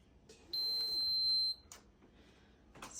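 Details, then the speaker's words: Home patient with a terminal medical condition, in the morning after overnight tube feeding; steady high-pitched electronic beep of about one second in a quiet room, the alarm signalling the feed is done: feeding pump alarm. "Fonte is awake and his machine is beeping. That means his food pump is done."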